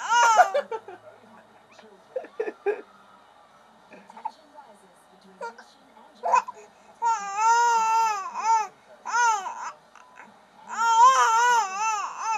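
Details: Infant crying with hiccups: short hiccup-like catches and fussing sounds, then bursts of high, wavering crying.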